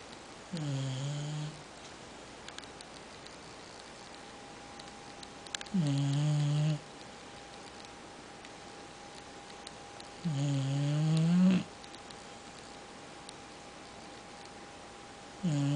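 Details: Boxer dog snoring loudly: droning snores on each breath, about every five seconds, roughly twelve breaths a minute, in a quiet room.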